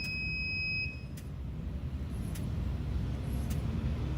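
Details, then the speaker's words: Brief high electronic beeps over low machine noise: low respiratory rate alarm returning on a BIOROHM VitalSave Graphics T1 transport ventilator when manual neonatal resuscitation via the CPAP exhalation port stops, during a training demonstration. "Y si dejamos de pulsar sobre la salida de gases expirados, nuevamente aparece la alarma de baja frecuencia."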